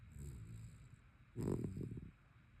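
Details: Rescue dog snoring while asleep in the morning: one low, rumbling snore preceded by a quiet breath; ordinary snoring.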